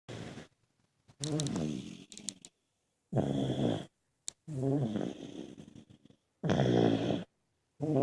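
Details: Several sleeping family members, including an uncle and a nephew, snoring: loud, rough, rattling noises repeating irregularly with quiet gaps, about 18 a minute.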